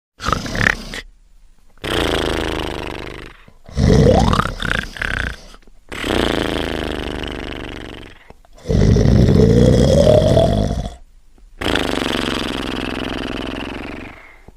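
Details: Trash sleeping, from a show clip: loud, rough, rattling snores with each breath, about 25 a minute; heavy snoring.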